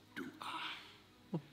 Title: Sneezing more than TWICE in a row Reaction